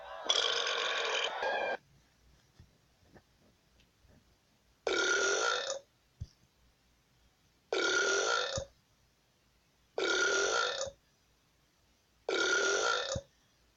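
Five long, loud, rumbling burps separated by silent pauses.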